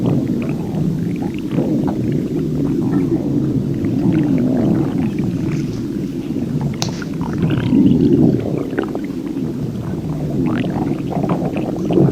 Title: Insane Non Stop Stomach Growling Stomach (Extreme Diarrhea?)(Not My Video)